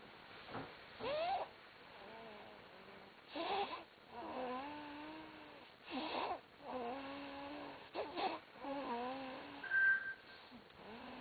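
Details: Repeated breathing sounds during sleep with rattling, partly whistling tones on each breath; a man snoring.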